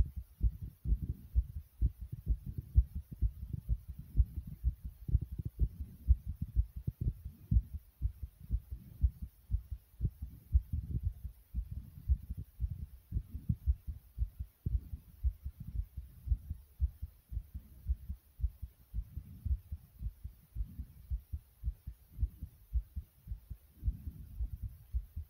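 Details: Self-recorded adult heartbeat, with the stomach growling partway through: repeated low, muffled heart thumps mixed with soft rumbling body noise; heartbeat.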